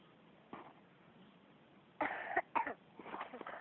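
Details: Young child's ordinary cough: a faint throat sound, then a few short cough bursts in a quiet room; cough.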